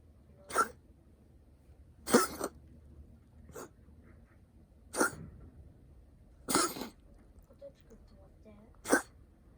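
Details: Cat that sometimes has coughing fits that don't stop, owner wonders about allergy to humans; six short, dry, harsh coughs spaced irregularly over about ten seconds in a quiet room, unedited recording.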